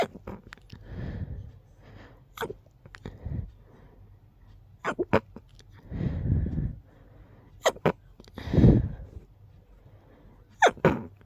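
A rapid run of short, muffled sneezes with brief pauses between them: a sneezing fit.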